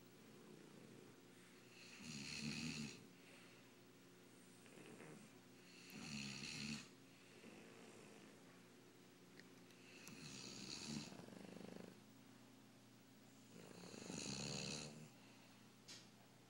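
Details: Loud, rattling snores about 4 seconds apart, roughly 16 a minute, over a steady background hum; ordinary snoring during a snoring contest.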